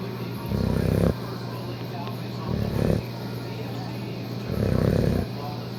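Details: Three low, rumbling snores roughly every two seconds over steady background noise; a dog snoring.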